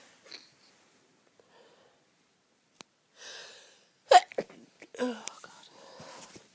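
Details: Lots of stifled or half-stifled sneezes: quiet hushed breaths, then a few short muffled sneezes held back behind closed lips.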